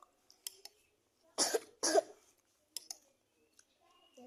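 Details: Cough from a child said to be skipping practice because of coughing: two dry coughs, with soft clicks and background noise; a plain cough.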